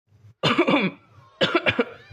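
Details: Acted cough in a radio drama advertisement for a cough medicine; simulated cough.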